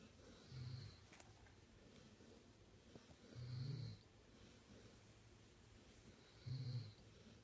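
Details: Labrador Retriever puppy and Weimaraner sleeping and snoring: soft, low rumbling snores at about 20 a minute in a quiet room, with a faint hiss on each breath.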